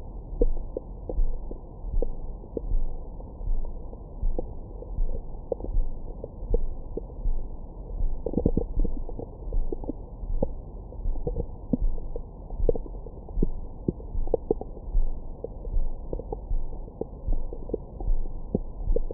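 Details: Belly recorded with a Stemoscope stethoscope microphone after a large meal: a steady low rumble with frequent short gurgles and squeaks. Active bowel sounds.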